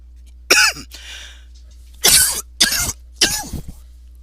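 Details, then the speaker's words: Adult painting instructor, sick and attributing it to allergies: four sharp, harsh cough bursts in quick succession in a quiet room; persistent cough. "And yes, you'll probably more likely hear that persistent cough all through this recording. I'm not too happy about it, but you know, how about now?"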